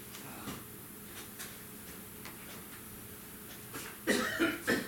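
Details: Adult man coughing: background room hiss and faint sounds, then a short run of three rough coughs near the end; a plain adult cough.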